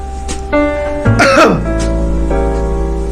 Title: sampai batuk karena dejavu irl you deserve😂#shorts #memories #trending